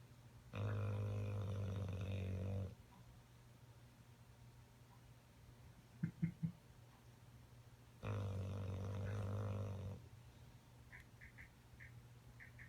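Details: Bulldog sleeping hard on a couch, snoring: two long, low, rattling breaths about seven seconds apart with soft sounds between.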